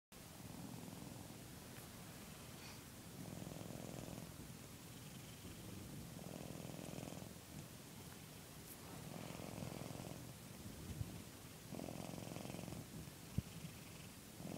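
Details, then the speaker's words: Sleeping cat in owner's bed snoring loudly, like a failing car motor: slow, rhythmic, rumbling breath sounds rising with each cycle, about every three seconds. "If you heard all of that, she sleeps in my bed every night, making those damn failing car motor sounds."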